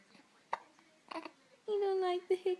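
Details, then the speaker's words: Baby boy hiccups: two small, sharp hiccup sounds followed by a soft whining coo. "Why does he have hiccups? Why has he got hiccups? He's so cute though. He's so cute when you have them though."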